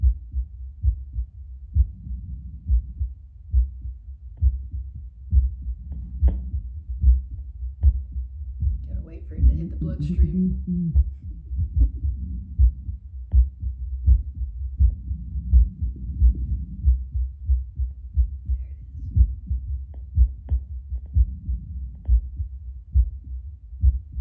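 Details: Adult's own heartbeat about two minutes after drinking espresso, Littmann CORE Bluetooth stethoscope on a speaker: steady, regular normal heart sounds about 85 a minute, beating slightly stronger, brief rustling midway.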